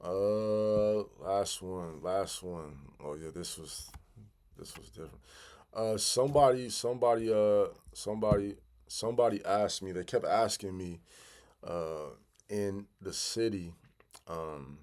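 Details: Adult man who has stuttered since childhood and still stutters 'big time', sometimes stopping to regroup; stretch with sound and word repetitions and fillers; stuttering.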